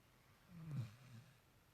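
One deep, low rumbling snore on an inward breath. Dog snoring.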